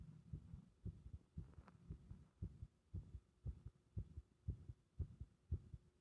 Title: 不整脈付きの圧迫心臓音